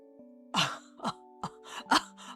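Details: Several short coughs and throat clears over soft background music from a female streamer failing a no-coughing challenge; cough.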